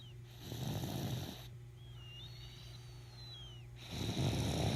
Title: My Baby Snoring